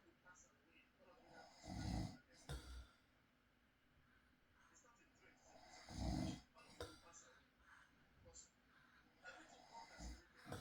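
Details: Adult man snoring in his sleep at night, real recording: low rumbling snores about 14 a minute against faint room noise in a quiet room.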